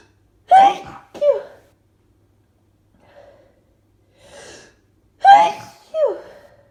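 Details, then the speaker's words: Person with allergies sneezing rapidly after an itchy build-up: two loud sneezes, each a sharp burst with a quick follow-on catch, with faint sniffing between them. "Oh. Oh. God, so itchy. It's stuck. Oh, God. Look at it. Sneeze."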